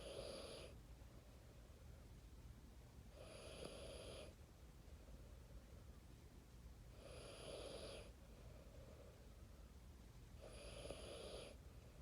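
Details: 4-year-old child, a deep sleeper, snoring in sleep: soft, steady snores about every 3.5 seconds, roughly 17 breaths per minute, over low room hum.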